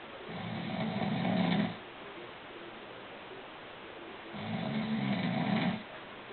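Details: Adult man fast asleep: two long, rough, low rattling breaths with quiet pauses between them; ordinary snoring.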